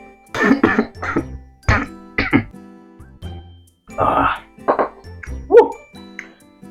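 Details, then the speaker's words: A run of short, forceful adult coughs and throat-clearing after choking on nasi padang with catfish during a mukbang, with music behind. "Kesel, Guys. Sempat-sempatnya keselek ya."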